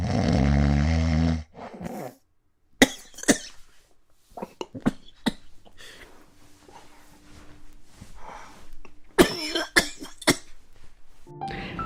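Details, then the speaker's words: Loud snores ramp up, then silence with no breathing before gasping snorts resume, presented as the stop-start pattern of obstructive sleep apnea; snoring with apnea. "now that you've heard it you can clearly see the sound is going up and then it stops it goes up and then it stops"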